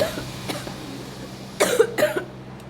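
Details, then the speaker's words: Two short, harsh coughs from an adult woman who says she is sick, over quiet room noise with a faint low hum. "खांसी की वजह से कि भाई मैं पूरे ब्लॉग में आपको तो नहीं सुना सकती तो मैं बीमार हूं"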